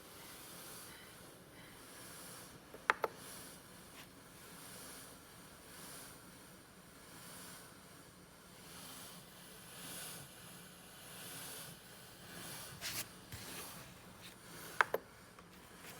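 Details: ResMed AirCurve 10S BiPAP machine: soft, steady airflow hiss rising and falling in slow cycles, with a few brief clicks.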